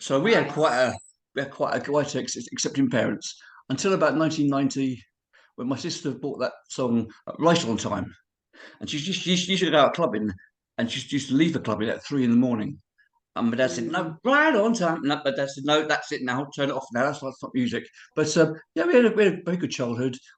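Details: Man of about 51-52 with cerebral palsy and HIV, who reports a speech impediment and being unable to say certain words: dysarthria (cerebral palsy).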